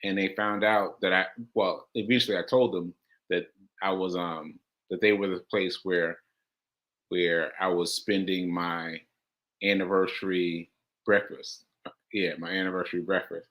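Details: Aphasia, a language disorder affecting communication, in a male host about six months into recovery since July; he says he experiences it when trying to communicate.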